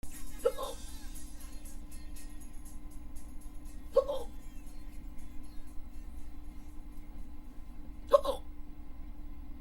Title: Hiccups(audio only)